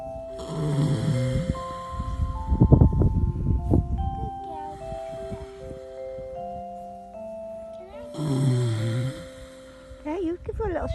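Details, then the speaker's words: Resting, tired track pony (horse) snoring: two deep rumbling snores, with soft background music and mallet-like tones between them. "She's snoring."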